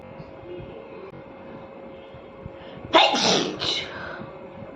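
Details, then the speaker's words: Woman deliberately inducing sneezes by tickling her nose with paper for a sneezing challenge: two sharp sneeze bursts close together, the first louder, over faint room noise; afterwards her nose is red. "तो मैं हमेशा से paper से टीजिंग करती हूं क्योंकि मुझे paper से अच्छे स्नीजिंग होता है तो मैं आज भी पेपर से करूंगी"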